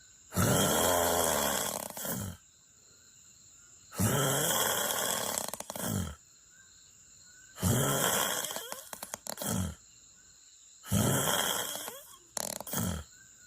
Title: I wanted to drink beer before bed last night but I didn't get drunk😊 #snoring